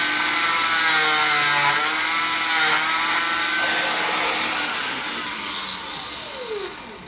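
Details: Steady high-pitched motor whine of an oscillating cast saw cutting through a cast, pitch shifting as the blade loads, then easing off.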